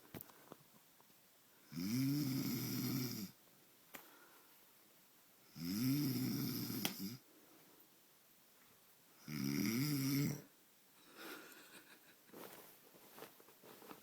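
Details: Sleeper with loud, rough, droning snores on the in-breath, about 16 a minute, separated by quiet out-breaths; an onlooker wonders if his nose is blocked: snoring.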